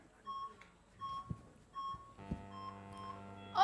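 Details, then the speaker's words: Repeated electronic patient-monitor beeps, then a sustained alarm tone, as the EKG changes during a simulated anesthesia crisis in prolonged prostate surgery; patient monitor alarm. "Oh, wait. Hold on a second. The patient EKG is changing."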